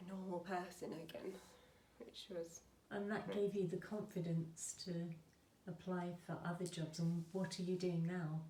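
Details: Adult woman speaking; fluent speech.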